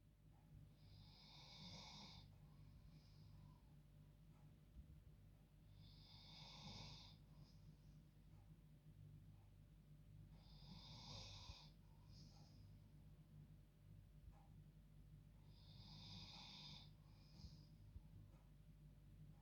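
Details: Female dog asleep in her bed, snoring like a human: soft, hissing snores about every five seconds (roughly 12 a minute) over a low background hum; snoring.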